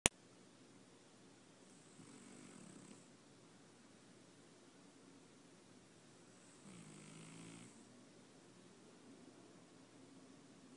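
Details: Two soft, rattling snores about five seconds apart, each a short rough vibrating breath over faint room hiss, from Oliver, a sleeping cat. Snoring.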